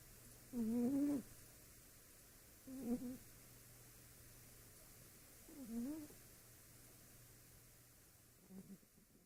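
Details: Cat snoring in a quiet room: soft, squeaky, tonal noises recur every two to three seconds with each breath; snoring.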